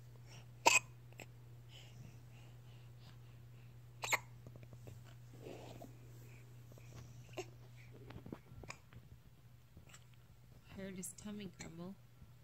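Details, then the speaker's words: Dexter having hiccups: two sharp, brief hiccup-like bursts a few seconds apart over quiet room hum, with soft movement sounds and a short whine. "Dexter. Those are some hiccups, pal. Oh, buddy."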